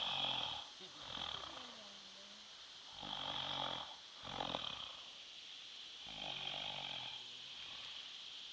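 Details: Person sleeping at camp: slow, repeated rough breathing noises, roughly one every three seconds, with room hiss; snoring.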